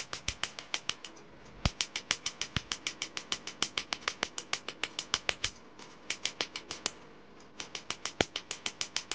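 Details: First laser removal session on a Mahadev name tattoo: rapid, sharp snapping pulses, about three per second, in bursts with brief pauses as the tattoo removal laser fires.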